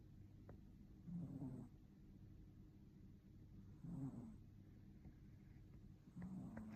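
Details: Sleeping Maine Coon kitten with soft, low snuffling snores on each breath, roughly 20 a minute, and a quiet room hiss behind; snoring.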